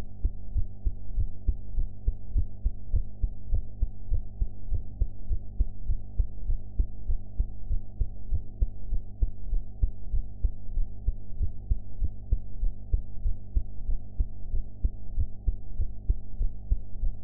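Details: Own heart sounds recorded after eating, quality enhanced: muffled, deep, regular heartbeat thumps over a steady low hum; heavily filtered heartbeat recording.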